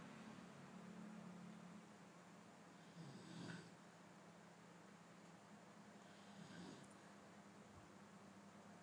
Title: snoring sound with no special effect 3mns